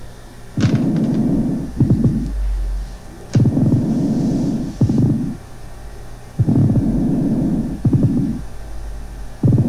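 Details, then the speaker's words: Coarse, grating, rasping pleural friction rub in both inspiration and expiration, from a patient with tuberculous pleuritis. "sí escuchen ustedes el frote el roce rasposo como si dos superficies irregulares rozaron entre sí en un momento dado tanto en la inspiración como en la espiración"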